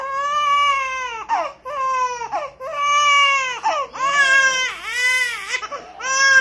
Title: Small baby crying //crying /#viral#shortvideo#shorts #smallbaby